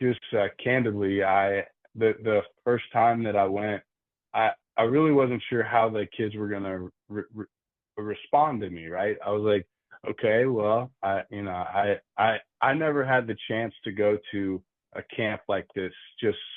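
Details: Adult man who stutters, with audible word repetitions; stuttering.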